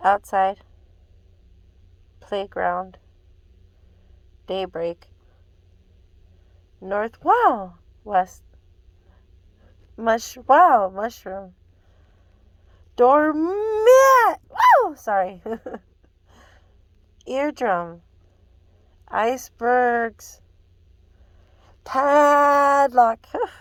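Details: Adult woman with Tourette syndrome repeating words from a list during an audiologist's hearing test, with tics adding extra words that she corrects; vocal tics (Tourette syndrome).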